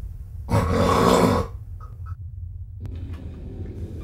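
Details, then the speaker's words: Adult man with obstructive sleep apnoea, who alternates snoring with long breathing pauses in sleep and is very tired by day: one loud, rough snore followed by near-silence. "denne mand har søvnapnø ligesom 100.000 andre danskere Det vil sige han under søvnen skiftevis nker har lange pauser i vejtrækning"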